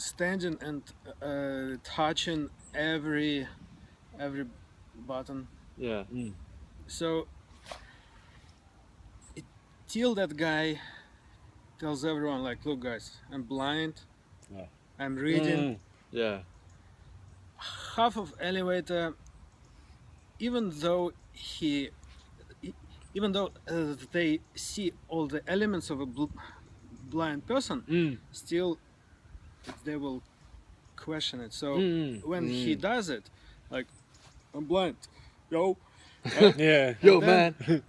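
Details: Stuttering with blocks on words, self-reported by a podcast co-host who says he is working on his speech.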